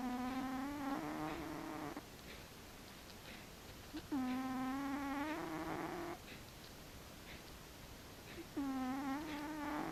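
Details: Rhythmic, musical, whiny snoring from a cat, about 14 breaths a minute, with a drawn-out tonal sound on each breath and quieter noisy phases between.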